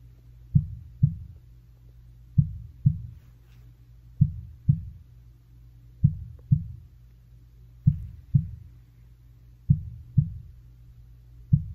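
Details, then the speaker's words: Regular paired lub-dub heart sounds, slow at about 33 a minute, clear with no extra noises, via stethoscope in a simulated ASMR nurse role-play with a patient said to have pneumonia. "all right so now i'm gonna go ahead and i'm just going to listen to your heart so just your heartbeat and again i'm going to use my stethoscope for that"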